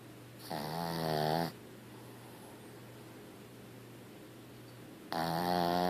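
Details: Sleeping female dog snoring loudly enough to wake herself: two loud, drawn-out rasping snores separated by a quiet pause.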